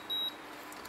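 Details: A single short high-pitched electronic beep from a Microlife 3NV1 3E wrist blood pressure monitor after its batteries are inserted the right way round, a normal power-on signal.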